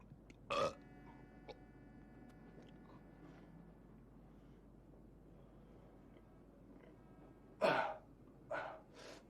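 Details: A man burping in the film Vampire's Kiss (1988): several loud, rough burps, one early and then three close together near the end, in a quiet room. Belching.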